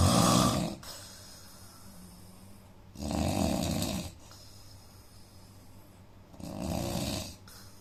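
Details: Adult Indian man snoring during sleep, nasal problem: loud, harsh snores about three seconds apart, roughly 19 a minute, with a rough, snorting, nasal quality.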